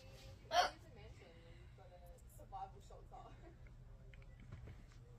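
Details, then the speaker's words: One sharp, loud hiccup then quieter voiced sounds and a softer hiccup-like catch, faint room noise; whole body jerking with each; hiccups. "You got the hiccups. >> That's not funny. >> Your whole body's jerking."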